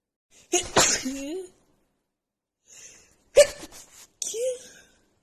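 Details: Woman sneezing repeatedly after about an hour outside in snowy cold, nose runny, with dust also blamed: two sharp voiced sneezes in quick succession with quiet sniffs between.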